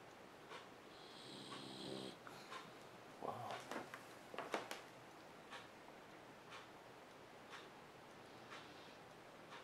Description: While Governor was making a speech on TV, two Dogs were snoring like crazy....Check this out!